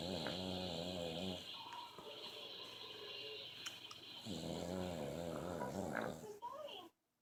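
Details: Snoring from an adult man during sleep.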